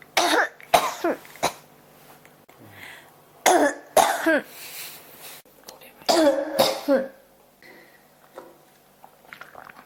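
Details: Adult with a cough that won't stop: repeated clusters of harsh bursts, about six to seven coughs over ten seconds with brief pauses, a persistent cough.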